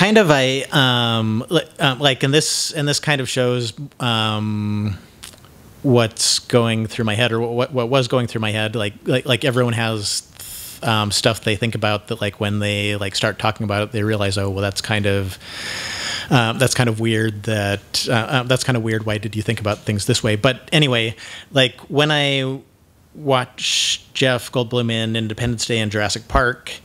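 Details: Man who identifies himself as having cluttering, with frequent word repetitions and mid-sentence self-interruptions (mazing); this stretch has repeated words and phrases and a broken-off word. Finding: cluttering.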